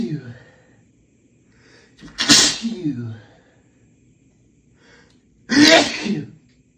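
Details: Sneezing fit after a shower in a hotel, with allergies flared by the soap's fragrance; a male sneezing repeatedly.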